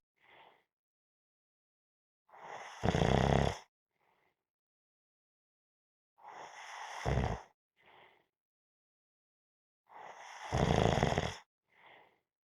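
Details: Snoring during a nap: three rough, snorting snores, each building from a breathy start, with soft puffs of breath between, about fifteen breaths a minute.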